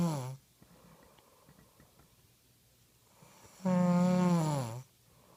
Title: Snoring 0111215